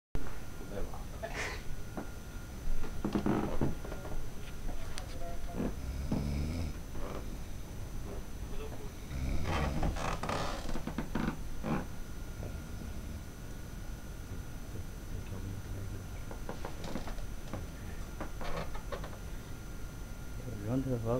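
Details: Adult sleeping, snoring with low rumbles, with quiet voices and room noise in the background.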